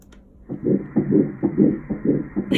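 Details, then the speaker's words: Fetal heartbeat at about 8 weeks of a first pregnancy on transvaginal ultrasound: rapid, regular whooshing pulses, about 140 beats a minute, the first time the mother heard it. "that is where I heard my baby's heartbeat for the first time ever"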